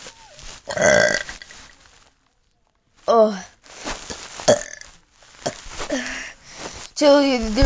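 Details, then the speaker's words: Deliberate attempt at a big burp: several loud, drawn-out throaty belches in a row, separated by pauses, with brief talking between them; repeated burping. "going to be a big burp that's for sure there it is"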